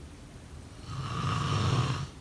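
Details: Single low, rumbling snore on an in-breath, about a second long; snoring.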